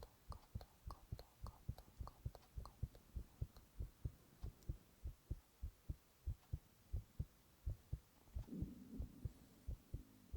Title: 【囁き/男子ASMR】心音取りながらオノマトペささやいた Heart sounds and onomatopoeia